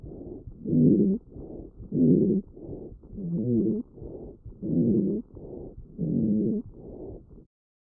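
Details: Child's lungs recorded with a StethoMe electronic stethoscope: low, snoring, rumbling continuous tones through each breath, rhonchi, AI-identified, described as characteristic of asthma and caused by mucus.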